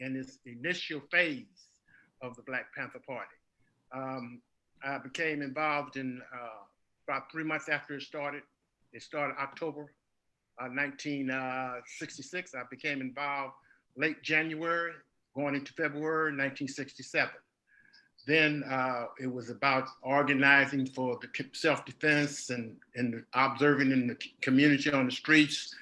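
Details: Adult man speaking; normal speech.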